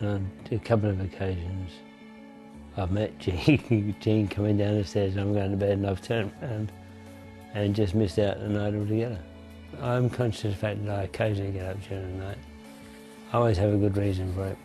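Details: Adult man with Parkinson's disease for over 20 years, onset mid-1980s with left-hand tremor, taking pills; he says his voice is weak and his articulation unclear; hypokinetic dysarthria.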